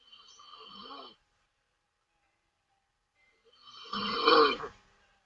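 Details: A Taiwanese woman asleep during a livestream gives two loud, rough open-mouth snoring breaths separated by a silent pause, with background music: snoring.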